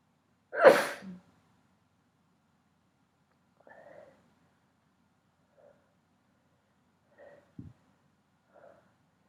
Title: Rapid pepper sneezing and nose blowing